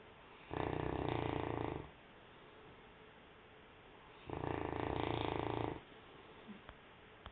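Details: St. Bernard dog snoring in its sleep: two loud, rough, rumbling snores about four seconds apart, with quiet breathing between them.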